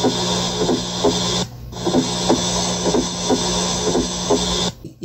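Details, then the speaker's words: Simulated heart sounds from an auscultation practice app, about 60 beats a minute, with an extra soft sound just before the first heart sound: a fourth heart sound (S4). "podemos escuchar el tercer sonido del corazón cuatro sonidos del corazón"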